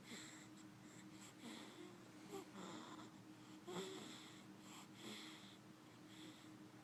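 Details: A 2-week-old sleeping baby snores lightly with quick, soft, whistling and snuffly breaths.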